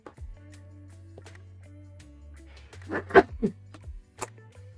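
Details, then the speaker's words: Adult sneeze during a late-night live session: a few short voiced catches build up, then a sharp hissing burst over steady background music; a sneeze. "uh-oh another sneeze coming on sneaking up on"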